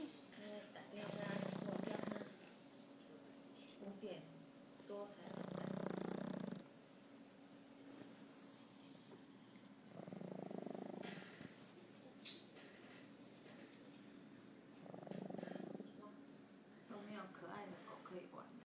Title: Snoring goski